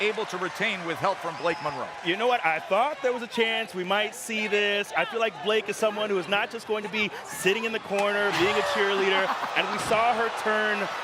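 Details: Adult commentator; Normal voice.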